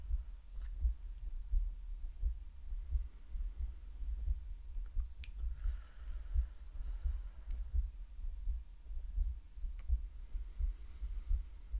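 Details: A woman's heartbeat in a relaxing ASMR medical roleplay, with breathing sounds. Soft, muffled low thuds at roughly 85 a minute under faint room noise: a heartbeat at a normal rate.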